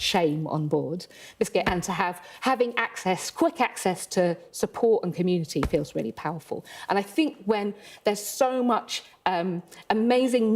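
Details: Adult with Tourette syndrome, first tics at about age 6 or 7 but not diagnosed until adulthood; word vocal tics occur during speech: Tourette syndrome vocal tics.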